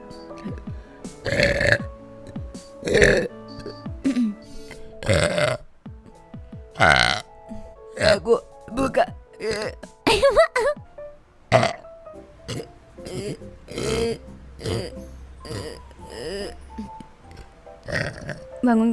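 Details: A VTuber streamer's compilation of repeated loud, drawn-out voiced belches over background music; the streamer mentions feeling stuffed full. Burping.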